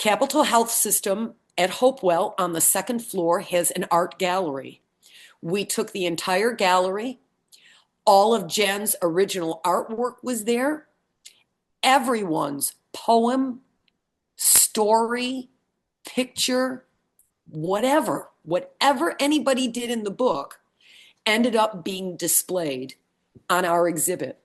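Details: Adult woman speaking; normal speech.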